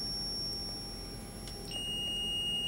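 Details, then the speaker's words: Steady high electronic tones shifting in pitch from a Zoll ZR series defibrillator after pressing analyze during CPR training, a stand-clear alert before shock. "as soon as it's on I'm going to hit analyze analyze tells me to stand"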